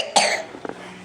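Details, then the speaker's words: A single sharp, dry, deliberately fake cough from a young child (a 3- or 4-year-old), made while playing with silly noises; voluntary cough. "that was a fake cough"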